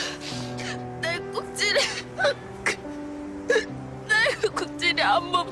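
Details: Acted, simulated hiccups by an actress in TV drama scenes: short, sudden gasping vocal catches between quiet breaths over background music; hiccups.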